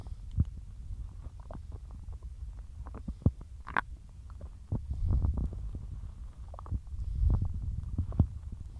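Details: Stomach growling after a large lunch of cheesy pasta and a big drink of milk mid-diet, stomach bloated: irregular low gurgling rumbles with bubbly pops and squelches in bursts; borborygmi.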